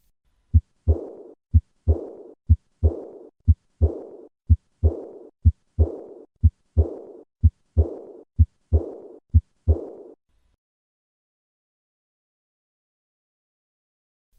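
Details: Aortic regurgitation murmur.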